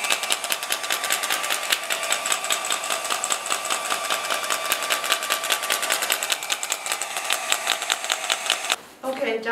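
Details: SW14 radial shockwave therapy handpiece treating the ankle with cooling gel: rapid, regular mechanical clicking at about 150 pulses a minute, stopping near the end.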